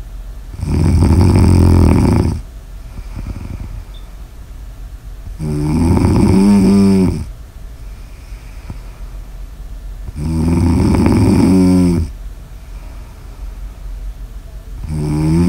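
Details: Snoring ASMR audio recording: loud, regular snoring with rough rattling vibration on each in-breath and quieter out-breaths, about 13 breaths a minute.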